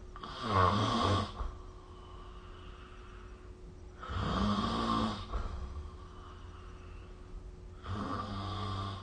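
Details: Snoring recorded with the SnoreLab app: rattling snores on breaths in, roughly every four seconds, over a low steady room hum.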